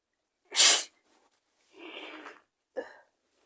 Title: Rapid cold sneezes 🤧💕